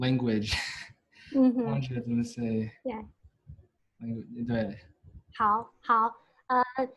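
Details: Stuttering in a US-born man from a Chinese family, a senior university neuroscience student, who has stuttered since about age five or six, with blocks and getting stuck on sounds; his father and maternal grandfather also stutter.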